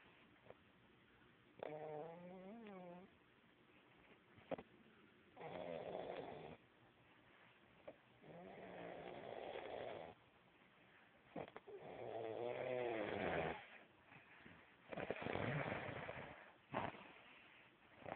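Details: Snoring in a sleeping individual: repeated rough, rumbling breath sounds with whistling, wavering tones, about four cycles in 18 seconds; snoring during sleep.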